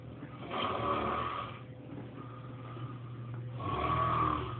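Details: Adult man who has sleepwalked for years, filmed for real by his wife while sleepwalking and dancing: loud, rough, rattling inhalations repeating in slow cycles with a low rumble; snoring.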